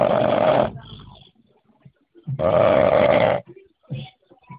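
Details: Snoring: two loud, harsh snoring bursts separated by quiet breathing and small snuffles, recorded close to the microphone.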